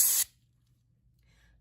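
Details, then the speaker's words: Brief sharp quarter-second hiss of compressed air, then quiet: a dental air-water syringe test-sprayed off to the side to confirm air before air-drying the liquid bonding agent on a tooth. "what I like to do is take my air waterer syringe tip off to the side and test that it's air first before I do this"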